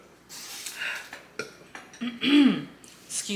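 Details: Eating and drinking noises with clinks while eating a lettuce-wrapped burger and fries and finishing a grape soda, then a deep voiced belch near the middle and a second softer one; burping.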